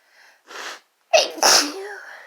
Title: Sneezing fit from chhinkni (F+M)